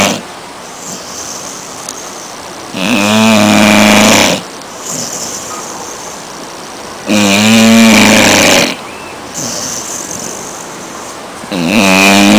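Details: A 5½-month-old American Staffordshire Terrier lying on a sofa, snoring very loudly: rattling, buzzing snores on each breath in, about 14 per minute, with quieter breaths out between them.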